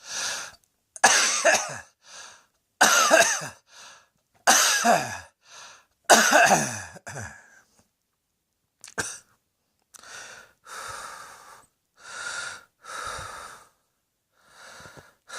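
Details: Coughing: about a dozen harsh coughs, some paired, then softer breathy coughs and throat clearing.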